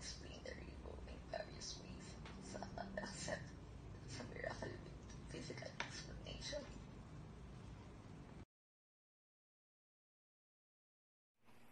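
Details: Adult woman diagnosed in 2019 with adductor spasmodic dysphonia, laryngeal spasms giving a strangled, strained voice; recorded before thyroplasty type 2 surgery in 2020; adductor spasmodic dysphonia.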